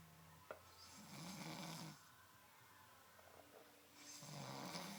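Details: Snoring: loud rattling snores on breathing in, separated by quieter breathing out; ordinary snoring.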